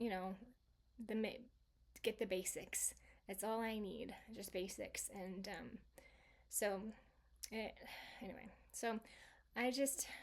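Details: Woman, stroke survivor 26 years after the stroke, with residual aphasia from an originally global aphasia, variable day to day by her own account; residual aphasia.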